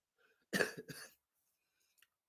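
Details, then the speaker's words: Adult with a head cold gives a short double cough, two harsh bursts in quick succession. "Your boy is going through the head cold. Got a head cold right now that that I'm working through."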